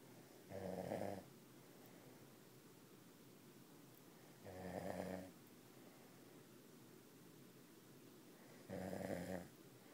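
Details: Sleeping dog snoring loudly: three rough, fluttering snores on the in-breath, about 15 breaths per minute, over steady room hiss.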